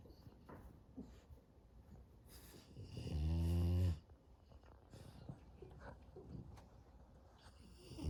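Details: Sleeping French Bulldog puppy on an afternoon nap: one loud, deep, rattling snore on an in-breath amid soft snuffly breathing.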